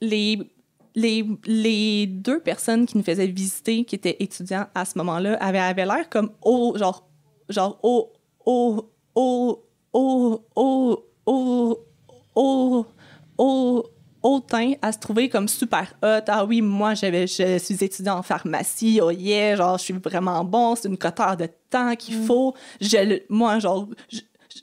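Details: Stuttering in an adult woman who has stuttered since age 6 and had four or five speech therapies.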